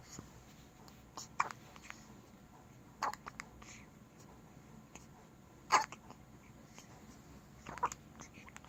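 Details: Soft, sudden hiccup sounds about every two seconds, four in nine seconds, from a two-week-old baby in a quiet room; newborn hiccups.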